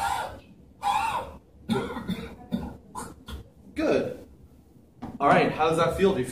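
Several loose, wet coughs with a little talk between them in a small room; a productive cough clearing secretions during chest physiotherapy.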